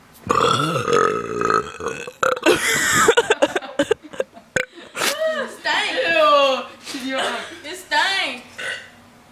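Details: Female burping: loud, drawn-out voiced burps, some shaped into word-like sounds, with pauses between; belching of swallowed air.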